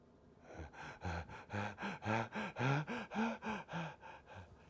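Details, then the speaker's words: Dying patient with Cheyne-Stokes breathing at end of life: run of deep, voiced gasping breaths, about 110 a minute, building then easing in a waxing and waning pattern driven by oxygen rather than CO2. "Et maintenant, j'ai une respiration en bouffée qu'on appelle la respiration de Cheyne-Stokes, qui montre que cette respiration répond à l'oxygène et pas au CO2."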